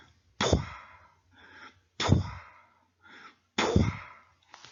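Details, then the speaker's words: Spanish auscultation lecture, vocal imitation: three cycles of a loud breathy rush fading away, then a softer hiss, a decrescendo early diastolic murmur typical of aortic or pulmonary insufficiency, likened to an echo fading in a cavern. "es propio de la insuficiencia aórtica de la insuficiencia pulmonar los libros dicen que es aspirativo y yo la verdad no lo encuentro nadie aspirativo para mí suena como el eco que se pierde en una caverna"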